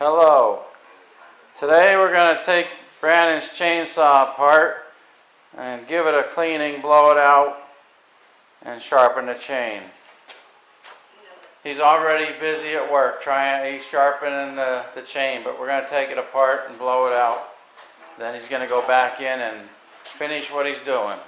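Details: Adult man speaking; ordinary speech.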